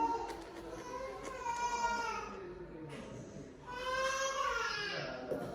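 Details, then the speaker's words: Infant at a 4-month vaccination in the vaccine room: high-pitched wailing cry in long drawn-out bursts with room noise, ordinary crying. "Nancy is giving moral support. Who is crying?"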